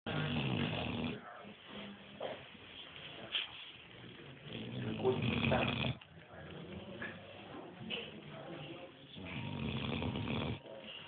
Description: A dog at a light shop. He was just completely in deep sleep even many customer were walking around.